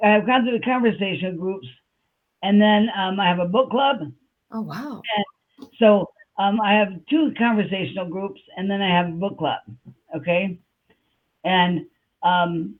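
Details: Adult woman with aphasia after a stroke on July 6, 2021, with word-finding pauses and repeated fillers; aphasia.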